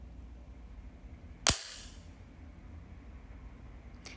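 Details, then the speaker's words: A single sharp, loud snap in a quiet room as a Dexcom Stelo over-the-counter CGM applicator inserts the glucose sensor into the back of the upper arm; loud but painless. "was a loud sound but did not heartt and there it is the back of my arm"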